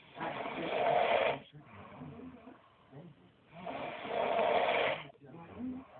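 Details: Loud, harsh rattling snores on each in-breath with softer fluttering out-breaths, about two cycles in six seconds; an older brother snoring, though he thinks he doesn't snore.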